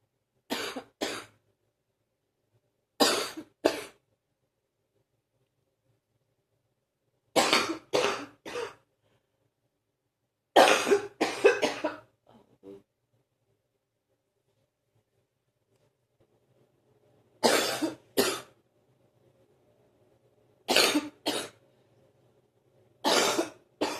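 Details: Productive morning cough that lasts about 45 minutes each morning: repeated bursts of two to three harsh, wet-sounding coughs with quiet pauses between.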